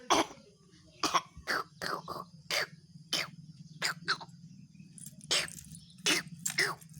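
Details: Child imitating and learning a cough, during COVID-19 pandemic: about a dozen short, light voluntary coughs over steady low hum.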